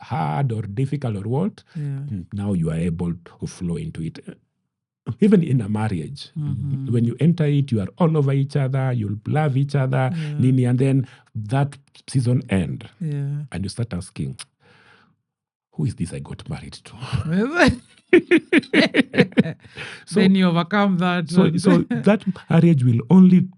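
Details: Adult man with stammering he describes as genetic, inherited from his mother, at times acute; word and part-phrase repetitions heard; stuttering.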